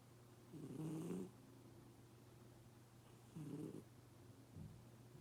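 Three soft, low, purring snores from a sleeping cat over a steady hum. Cat snoring.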